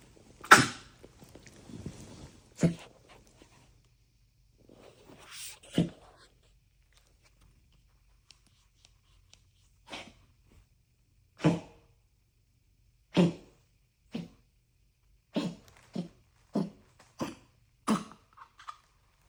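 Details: Pet, likely a dog, coughing fit: run of about a dozen short, sharp coughs in a quiet room; coughing fit.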